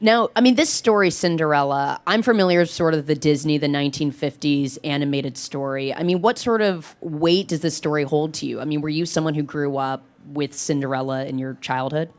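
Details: Adult male interviewer; Normal speech.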